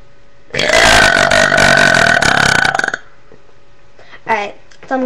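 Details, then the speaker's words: One long, loud, rumbling deliberate burp lasting over two seconds, followed by brief voices: voluntary burping. "Sorry, that was a weird one, but okay. Wait. Okay, I'll do a few more. Oh. All right, that wasn't that great."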